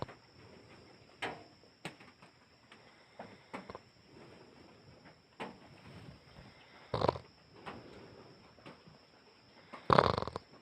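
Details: A sleeping boyfriend makes irregular rough, snorting breath sounds, with two loud snorts near the end, over a faint steady electronic whine: snoring.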